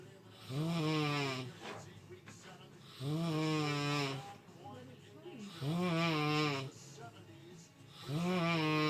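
Four loud, drawn-out groaning snores about 24 a minute, voiced and buzzing on each in-breath, separated by quieter out-breaths.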